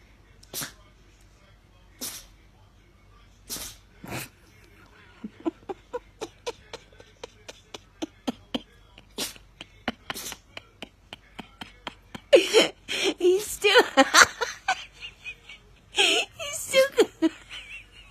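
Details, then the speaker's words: Puppy named Willow with a run of small, sharp, snorting sneezes, with soft human talk toward the end asking about the sneezes: sneezing. "What's going on? Why you got the sneezes? Any more? Oh, yep, one more."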